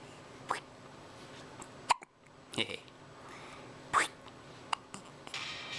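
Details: Baby with hiccups: several brief, sharp catch sounds at irregular intervals over quiet room noise; infant hiccups.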